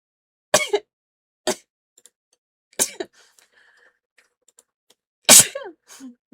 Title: Streamer blowing her nose and sneezes a lot #sneezing #sneeze #noseblowing